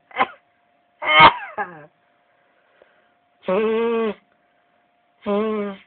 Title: Many sneezes and honking nose blowing this morning